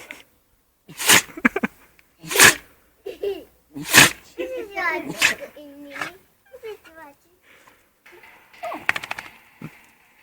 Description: a dog that is allergic to humans